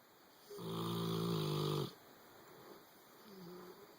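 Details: A sleeping boxer dog, settled in the owner's bed, gives a loud, buzzing inward snore lasting over a second, then a quieter rasping breath; snoring.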